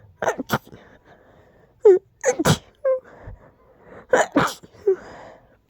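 A run of forceful sneezes, each with a quick indrawn breath then an explosive burst, about four or five in a row; repeated sneezing.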